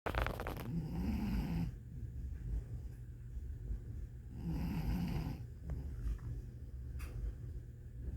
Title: Lucy is snoring 20FEB23